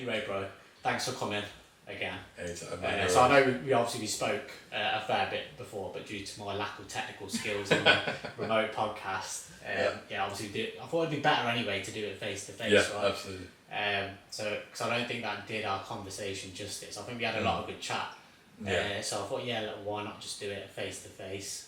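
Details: Adult man speaking; typical speech.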